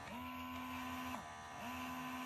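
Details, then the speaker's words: Bellababy electric breast pump, original vs mini, compared by a new mom: steady motor hum broken by brief dips about every 1.5 seconds, the pump's suction cycling; one unit sounds louder. "this one sounds louder i think it's maybe because the section is better because this one just sounds like a tummy rather than this one"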